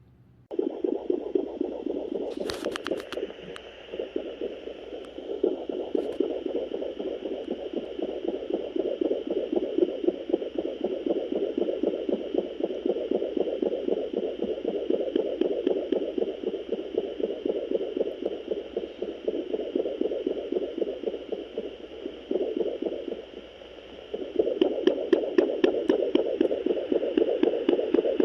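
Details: Fetal Doppler at home on a pregnant Great Dane at day 41 of gestation: rapid, regular whooshing fetal puppy heartbeats, about 230 a minute.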